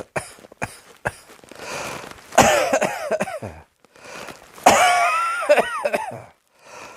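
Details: Several sharp coughs, then two harsh, drawn-out coughing fits with strained, whistly breaths; repeated forceful coughing.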